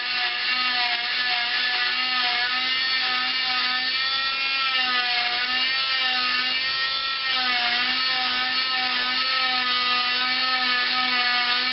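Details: Oscillating cast saw on its high setting with a steady high-pitched whine that dips as the blade bites, using quick in-and-out motions end to end and turning at the elbow to remove a long arm cast; cast saw cutting a cast.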